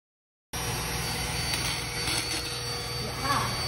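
Continuous high motor whine with grinding noise from a powered dental float rasping a horse's teeth during a routine dental check.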